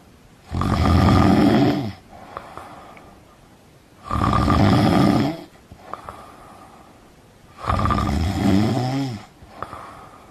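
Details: Parents snoring at night: loud, rattling snores on each in-breath, about 17 a minute, with quiet breathing between them.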